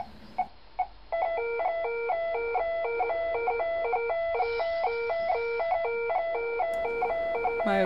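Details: Adult inhaling helium from a balloon to cause oxygen desaturation, on SpO2 and ECG monitoring: repeating patterned electronic alarm tones over room hum after an immediate rise in heart rate; patient monitor alarm.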